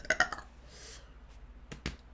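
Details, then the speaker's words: Female streamer who says she is a burper and very gassy: a short run of three quick burps, then two more a moment later, over quiet room noise; ordinary belching. "I'm a burper here on the stream and I'm very gassy so if you guys are not into that that's okay I do not mind"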